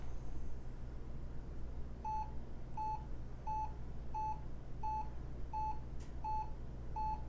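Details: Steady electronic beeps at about 83 a minute over a low room hum, tracking the heartbeat on lead one of a Hewlett Packard 43200MC military surplus ECG cardiac monitor-recorder: cardiac monitor beeping.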